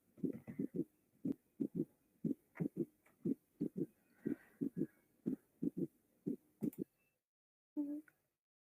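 Low heart sounds in a three-beat gallop rhythm near 60 a minute, with an extra sound after S2.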